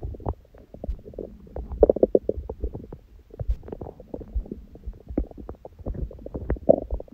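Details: Own abdomen recorded after a large first meal at 16:00 following fasting on water only since 19:00 the previous day, and after ab workout; frequent low gurgles, rumbles and bubbly bursts: normal active bowel sounds.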